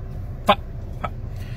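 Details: Vocal tics in an adult with Tourette syndrome.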